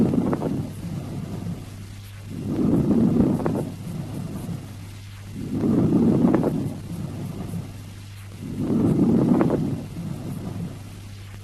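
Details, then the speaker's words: Teaching recording of added breath sounds: breaths at about 20 a minute with fine, brief crackles at the end of each inspiration; fine rales or crepitations. "Let us listen to the fine rales or crepitations at the end of inspiration."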